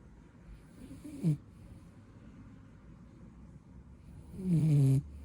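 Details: Blue beagle puppy napping: two low rumbling snores a few seconds apart over quiet room noise; snoring.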